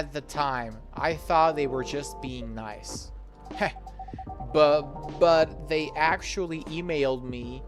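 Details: Acted, not real: the host voices an anime-style girl character who stutters because of anxiety, reading her lines during an English lesson; imitated stuttering.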